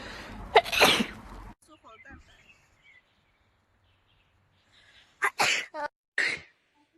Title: (REUPLOAD) Beautiful Chinese girl allergy wet sneeze 15